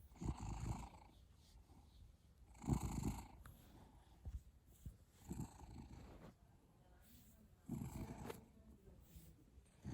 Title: Cat snoring (HD)